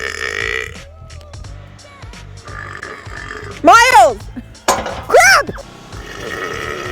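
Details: Two loud, drawn-out, deliberate voiced belches, described as huge soda burps, over background music and talk; burping.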